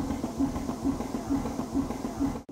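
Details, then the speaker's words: Steady mechanical pulsing with regular chuffing from a backpack total artificial heart driver with tubes, in a man whose own heart was removed for heart failure; total artificial heart driver sound. "When people tell me about it, I hear it. It's the sound of his heart beating. And the artificial heart is right here."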